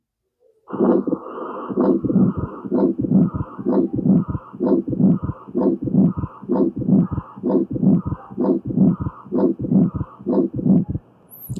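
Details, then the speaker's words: Pathological ejection systolic murmur, heard as a triple sound: either a split second sound or possibly an associated S4 from ventricular hypertrophy in stenotic lesions. "Now pathological ejection systolic murmur we will hear."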